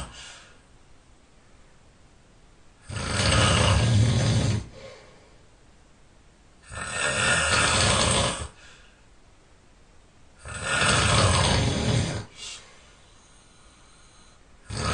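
Loud, rough, rattling snores on each breath in, regular at about 16 breaths a minute, with quiet gaps between.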